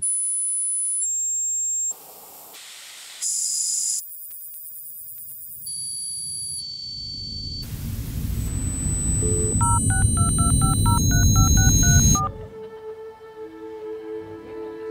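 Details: Simulated tinnitus as heard by someone living with it: shifting high whistles, hissing, buzzing and beeping tones in place of silence.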